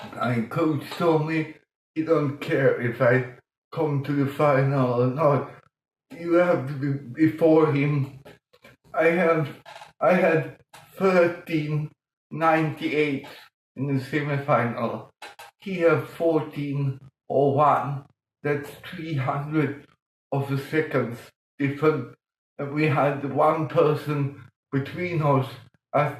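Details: Dysarthria in an adult man with mild cerebral palsy caused by lack of oxygen at birth; he talked while breathing in, and music later helped him breathe differently and be understood.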